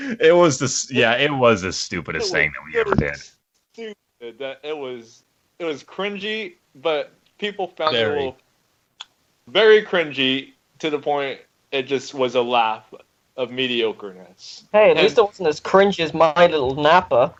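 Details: Adult speaker; ordinary speech.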